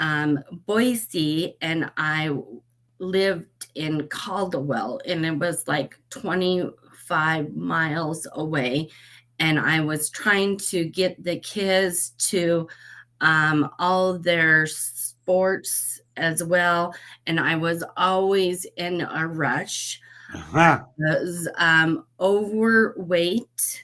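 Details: Aphasia after a stroke at age 38 in a woman, who says she has aphasia since the stroke; at first meeting she could barely be understood.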